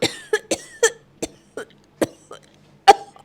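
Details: Simulated cough: about seven short harsh acted cough bursts in a quiet room, an elderly woman character claiming stage three tuberculosis, staged during a prank call to a phone scammer.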